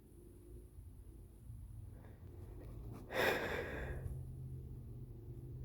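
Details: Induced sneeze from a male with a lingering illness, mostly recovered: quiet breathing builds to a single wet, sputtering sneeze, then settles.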